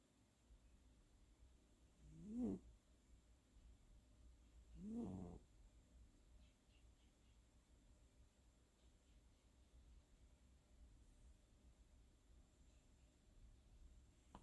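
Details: Senior tabby cat asleep, camera held very close: two soft, low rumbling breaths then quiet breathing against room hiss; light snoring, though owner says it was very loud in person.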